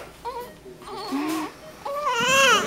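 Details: Baby boy only a few minutes old, born 2009: short, high-pitched wavering cries, a normal newborn cry, with soft room noise.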